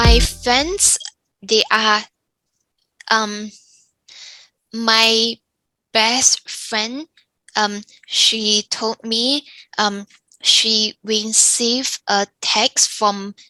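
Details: Younger adult woman with aphasia after a stroke; aphasia.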